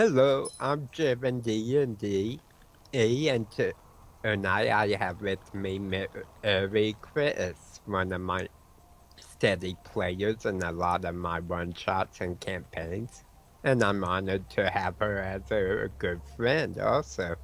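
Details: Speech impediment in an adult male with autism, self-described: words sometimes break up and he repeats words mid-sentence when his mind wanders; some people cannot understand him.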